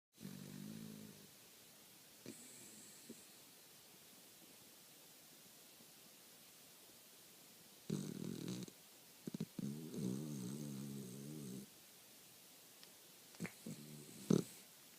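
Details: Penny, a dog, asleep with her tongue hanging from her mouth: irregular bursts of soft, rumbling snores separated by long quiet stretches, with faint room noise; snoring.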